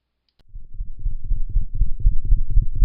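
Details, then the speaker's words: Cat heartbeat, fast, low and muffled, with an extra soft low-frequency thud immediately after S2 (one-two-thud): an S3 gallop rhythm. "allop sound occurs immediately after s2 like this one-two one-two one-two thud one-two thud one-two thud one-two thud"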